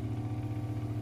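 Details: New-model body slimming vacuum therapy machine started and placed to build vacuum; steady low pulsing motor drone with rapid regular throbbing of the suction pump.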